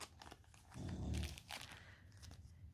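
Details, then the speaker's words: Dog fast asleep behind the speaker, giving a single low, rumbling snore amid crinkling and clicking handling noises; snoring. "by the way if you can hear snoring behind me it's treacle she's fast asleep behind me deciding to snore a little head off"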